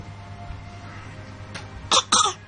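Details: Young child coughing: two short, sharp coughs close together after a faint lead-in, with some low room noise.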